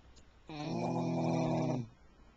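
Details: Single long, rattling, low-pitched snore from a sleeping dog in a quiet room, recorded with a Flip Video camcorder; snoring.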